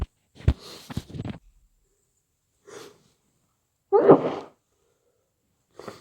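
Several muffled, wet sneezes with a congested, snotty quality, as heard with a head cold.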